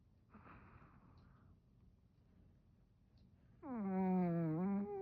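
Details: Napping dog snoring: a soft airy breath followed by a loud, drawn-out, tonal, groan-like snore.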